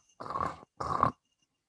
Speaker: Yo puedo tener un estridor que es como un ronquido, que es como...